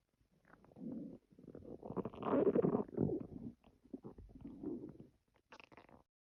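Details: Stomach growling: gurgling, rumbling bursts that rise and fall over several seconds, from gas and fluid moving through the gut; borborygmi.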